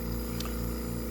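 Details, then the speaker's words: Steady, fairly loud low motor hum with a faint airy hiss: a cool mist humidifier connected to oxygen running in the home room of a 1-year-old girl with a tracheostomy and gastrostomy tube. "this is her cool mist machine her humidifier and it's connected up to oxygen which is here"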